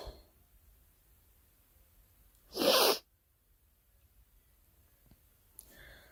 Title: Girl Coughing 314